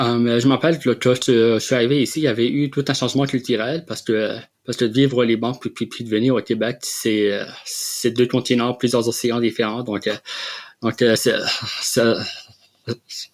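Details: Adult man who has stuttered since childhood, with a history of speech therapy interventions; real: stuttering.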